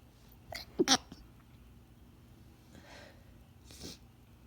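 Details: Two sharp, muffled sneezes held back in throat and nose, then soft breaths, from a female with a bad cold/sinus infection; stifled sneezes.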